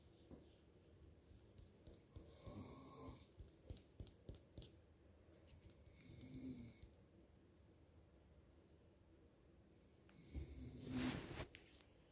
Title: more snoring